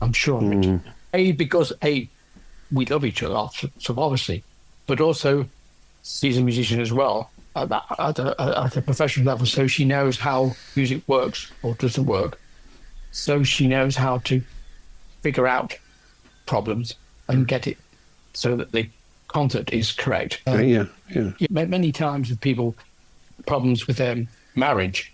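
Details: Aphasia in an adult male orchestral percussionist, 10 years after a stroke from a left middle cerebral artery blockage; no speech at all initially, since improved with ongoing practice.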